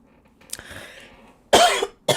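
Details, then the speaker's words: Adult podcast host coughing despite trying to hold it back after drinking water: a soft stifled breath, then two loud, abrupt cough bursts, the second cut short. "But anyway, I didn't want to cough, but it came and I really tried to hold it back."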